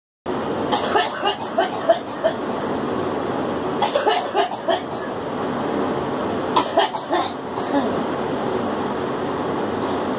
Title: Girl coughing